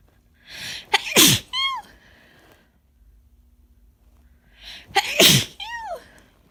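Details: Person with an easing cold and a constant tickle deep in the nose, deliberately inducing sneezes, which were very messy: two sneezes, each a quick in-breath, sharp explosive burst and short voiced trail.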